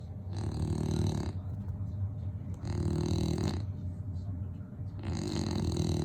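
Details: Sleeping bully-breed dogs snoring: loud, low, rattling, long vibrating snores about every two to three seconds; heavy snoring.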